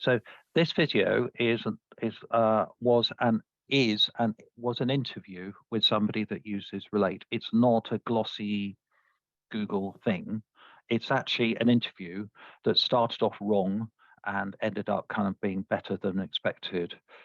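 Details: Adult male speaker; Normal speech.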